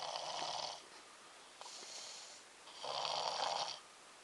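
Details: A boy snoring: two loud, rough, rattling snores with a softer breath between them, about 30 to 40 a minute; ordinary snoring.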